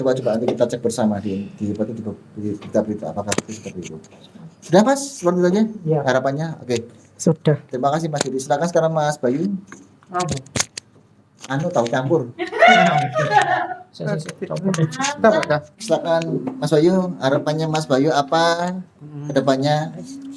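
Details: Adult speakers in conversation; ordinary speech.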